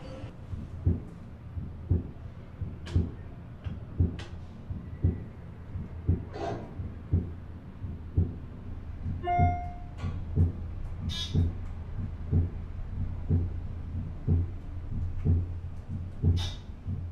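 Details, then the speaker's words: Normal heartbeat recorded over a year as part of an art piece, mixed with email alert chimes: regular low thumps at about 58 a minute with scattered chime-like tones and room hum. "so this is the sound of my heartbeat for a year matched with the sound of my email alerts"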